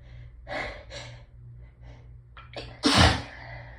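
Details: Catching, hitching breaths build to a loud, deep sneeze, forced through nose and mouth at once; desperate repeated hayfever (allergic rhinitis) sneezing, nose raw from rubbing.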